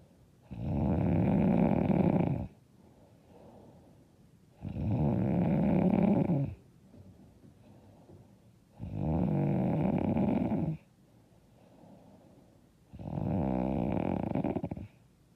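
Four loud, rumbling snores of about two seconds each, roughly 15 breaths a minute, with quieter breaths out between them: heavy sleep snoring.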